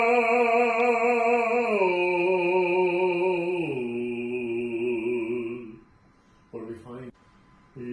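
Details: Male singer with muscle tension dysphonia after vocal physiotherapy, reporting more resonance, no restriction and a smoother voice: improved singing voice after treatment.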